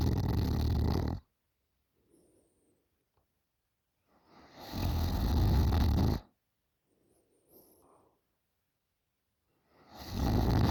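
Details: A 20-year-old girl snoring very loudly during sleep: loud rattling snores on each inhalation, about 12 breaths a minute, with quiet exhalations between; heavy snoring.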